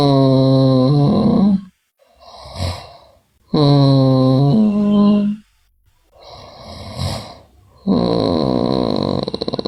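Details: Sleeping girl with snoring, also bruxism and delirium noted: loud, buzzing, vibrating snores alternating with breathy exhalations, about one every four seconds, roughly 15 breaths a minute.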